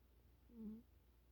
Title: Rory snoring. So Cute! 9/15/2025 😽💤